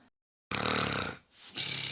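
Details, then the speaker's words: Husband weighing 180 jin (90 kg) snoring at midnight, snoring worsening as his weight rose, intermittent loud-then-silent pattern; wife fears he may stop breathing: loud, rough, rattling inspiratory snore, a brief pause, then the next snore. "又在打了。其实我也知道，我们家的打呼声，就是因为他的体重越来越胖了，所以打呼声才会越来越大。"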